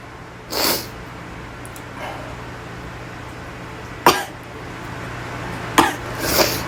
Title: Sneezing and a bit of talking in the bathroom